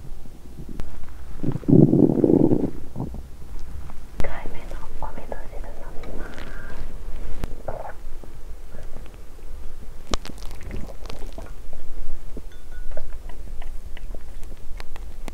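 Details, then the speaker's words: First-time 7-day fast, during early days (days 1–4), woman's belly gives a loud low rumbling gurgle then softer squeaks and bubbling, with faint whispering and construction noise nearby; hunger borborygmi. ""เป็นวันที่ท้องร้องแต่เสียงก่อสร้างดังสนั่น"“โอ้ยท้องร้อง”"เสียงดัง"."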